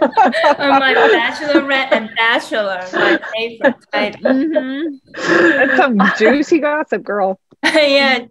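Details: Younger adult with aphasia; aphasia.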